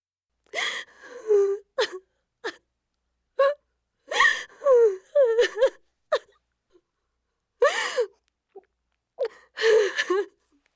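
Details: Sound-effect recording of an infant crying intensely in short, strong bursts separated by sharp gasping in-breaths; infant crying.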